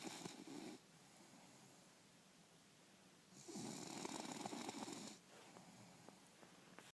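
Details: Bulldog snoring.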